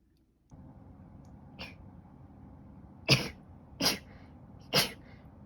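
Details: Three sharp sneezes in quick succession after a softer one, over steady room hum, from a female with allergies who has been sneezing since the previous night; repeated allergic sneezing.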